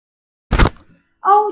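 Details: Woman's first chiropractic neck adjustment: a single loud, sharp crack followed by a brief vocal response ("ouch"); joint cavitation during the neck adjustment.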